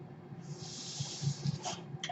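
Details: Breath cycle of the speaker's own home mechanical ventilator, audible in the background while they talk.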